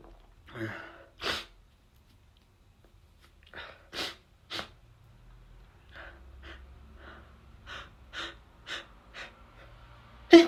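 A run of sharp, explosive bursts with quiet breaths and sniffs between them; repeated sneezes and attempts to sneeze.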